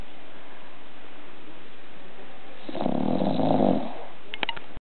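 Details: 1-year-old bulldog sleeping on owner: one low rumbling snore over steady background hiss; snoring.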